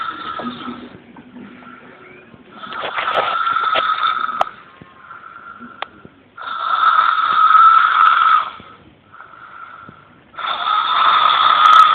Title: My Cute Buddy snores soothingly